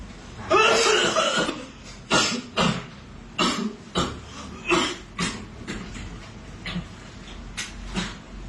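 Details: Fake, prank coughing by one of a group of young people playing an online game: about eight to ten loud, harsh coughs in quick irregular bursts.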